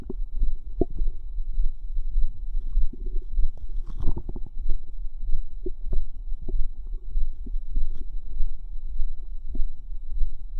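Irregular low gurgling, bubbling and squelching sounds from the abdomen, typical ordinary bowel sounds of digestion.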